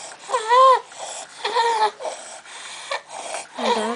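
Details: A young boy hospitalized with croup, later diagnosed with a deformed cricoid cartilage (subglottic stenosis), makes rapid, harsh, high-pitched breath sounds on both breathing in and out; inspiratory and expiratory stridor.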